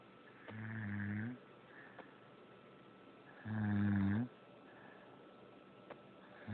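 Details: Sleeper, recorded and listened to nightly by the recorder, gives two long, low, rattling snores a few seconds apart, about 20 a minute, in a quiet room; snoring.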